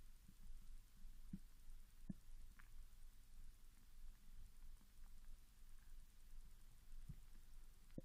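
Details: Japanese woman after 16 hours without food, growling began after drinking mineral water, recorded with the device held directly over the stomach: low rumbling with scattered gurgles, clicks and squeaks, hunger borborygmi.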